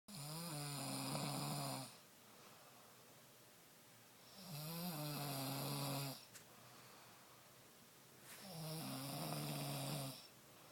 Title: Proof my BF snores...